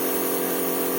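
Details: Steady mechanical buzzing hum of a Norditalia compressor nebulizer running continuously while a child sits inhaling medication for cough, no breathing or voices heard; finding: compressor nebulizer running.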